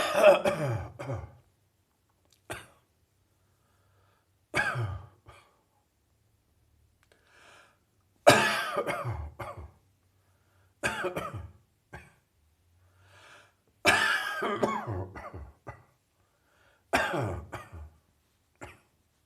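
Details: Adult with a resolving chest cold coughs in six bouts of short, harsh, somewhat loose coughs separated by quiet pauses; receding chest cold cough.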